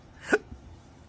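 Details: Adult man with chronic intractable hiccups that do not respond to any known treatments or medications: one sharp, abrupt hiccup with a brief catch of breath.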